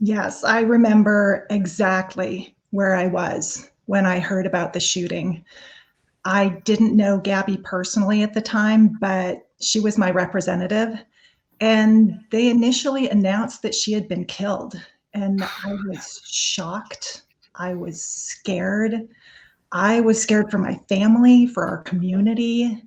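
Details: Adult woman speaking; ordinary speech.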